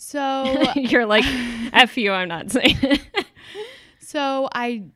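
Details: Adult woman speaking; no speech disorder.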